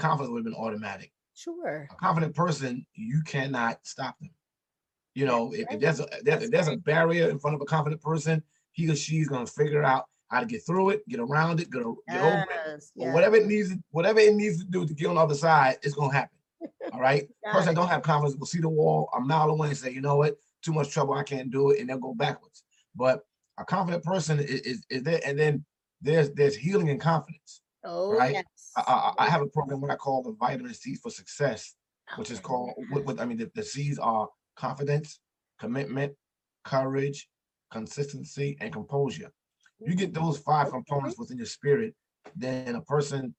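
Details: Adult man, an author and motivational speaker, who says he stutters and that others can hear it; heard in conversational podcast speech. Stuttering.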